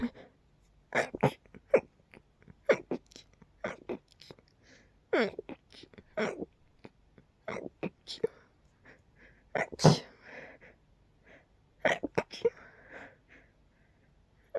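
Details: Night-time sneezes from a nose tickle, deliberately pinched to stay quiet: a run of short, partly stifled sneezes, some like snorts, breaths between, quiet room. Suppressed sneezing.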